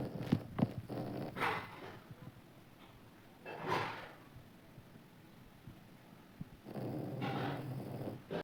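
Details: Soft, rough, snorting snoring from a sleeping baby, in slow episodes about three in eight seconds with quiet gaps between.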